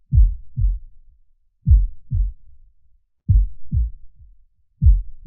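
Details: Normal heartbeat at rest: a slow, steady lub-dub at roughly 38 beats a minute, in a regular resting rhythm.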